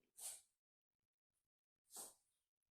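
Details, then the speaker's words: Domestic cat sneezing: two short, sharp sneezes about a second and a half apart in a quiet room. "Excusez-moi, j'ai mon chat qui est en train d'éternuer."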